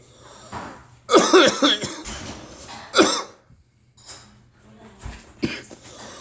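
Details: Two loud, harsh coughs with a voiced tail, then two softer coughs, over faint room hum; a person coughing alongside a girl.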